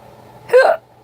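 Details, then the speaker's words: Hiccup in a person with bad hiccups, the first all year: a single sharp, voiced gulping sound over quiet room noise. "my hiccups are bad yeah yeah yeah first time I've had them all year this is a rare moment so I thought I catch them on camera"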